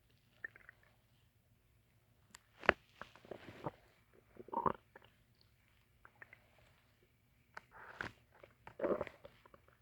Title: My stomach growling part 3 (1 minute) I was hungry